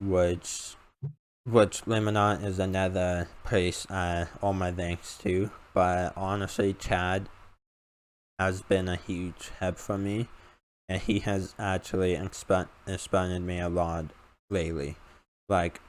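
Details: Male speaker with an uncontrollable speech impediment, improved after about 10 years of speech therapy, formerly relied on an iPad button talking device, unused for almost three years; speech impediment (articulation disorder).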